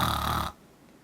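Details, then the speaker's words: Brief, coarse fluttering snore imitated with the mouth open, showing the uvula vibrating against the nasopharynx, as in mouth-breathing snoring linked to postnasal drip; imitated snoring. "근데 지금 제가 코고리 흉내를 낼 때 입을 벌리고 흉내를 냈습니다"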